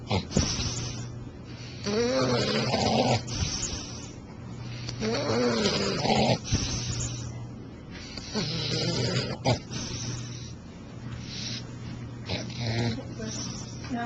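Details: Bulldog snoring: loud, rattling snores in repeated bursts roughly every three to four seconds, with a steady low hum between; heavy snoring.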